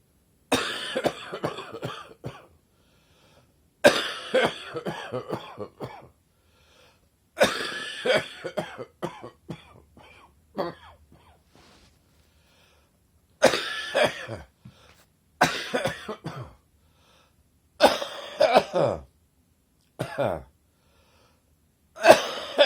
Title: Chesty Morning Cough 3